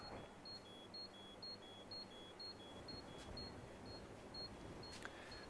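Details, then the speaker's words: Scale hospital bed weight alarm, set to a 19–21 kg range, triggered when weight is added to the bed: repeating two-tone electronic beep, about two a second. "and now everything is everything change from the weight of the patient is alarm for example if the patient put some weight on the bed alarm"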